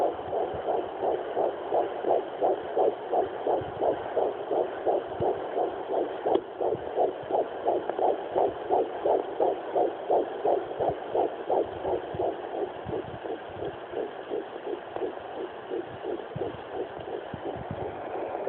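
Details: Twin fetal heartbeats at 10 weeks 3 days via Sonoline B handheld fetal Doppler, detected near the mother's pelvic bone: rapid, regular whooshing pulses near 170 a minute.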